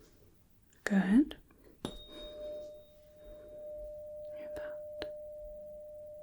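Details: Simulated ASMR medical-exam roleplay Rinne test: the tuning fork is struck and held on the bony process behind the ear, then in front of the ear, while the patient reports when the tone stops.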